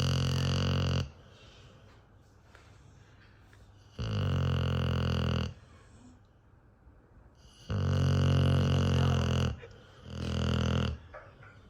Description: My beautiful and slightly moody American Blue staffy snores louder than my husband!